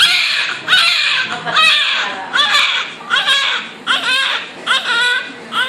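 Rhythmic high-pitched newborn crying, about 77 cries a minute, with short breaths between wails.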